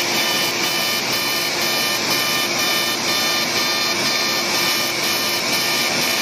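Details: Light CO2 laser (about 40 millijoules, density six) firing during one-pass facial skin resurfacing for fine lines and wrinkles: loud steady hiss with regular rapid pulsing, about two per second. Patient also has acne scars; healing expected in about a week.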